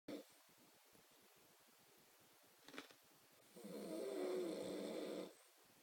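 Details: One long, rough, buzzing breath lasting about two seconds after a short snort, in a quiet room: snoring.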